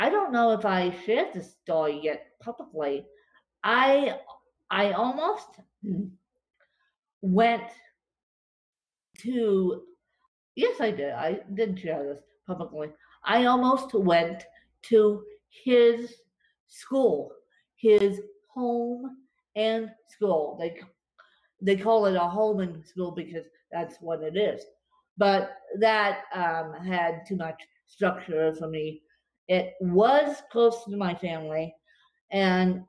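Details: Real dysarthria in a woman with cerebral palsy affecting her limbs and brain, recorded after a bad spasm day, which she says leaves her more tongue-tied than usual.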